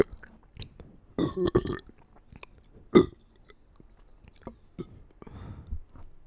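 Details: Several deep, throaty belches among chewing and mouth noises; ordinary burping.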